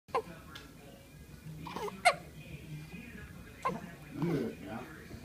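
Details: Hiccups: three brief, sharp hiccup sounds about 1.5–2 seconds apart, with faint room noise in the background.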